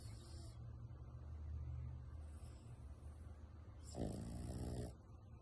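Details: Miniature pinscher sleeping after exercise: low, rumbling snore breaths ending in a louder rattling snort; very loud dog snoring.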